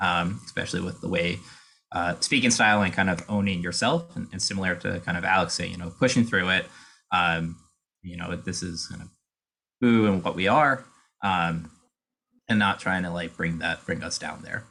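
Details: Adult speaker; typical speech.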